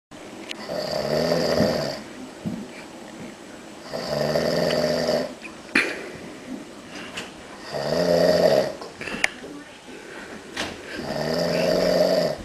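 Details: Loud, rough, buzzing snores on each in-breath from an adult man, about four in twelve seconds, with quieter breathing between them; snoring.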